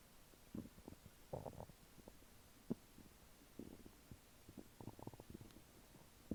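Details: Active bowel sounds from an adult abdomen after eating chicken nuggets and fries: irregular gurgles and short bubbling clicks, described as in the lower intestine.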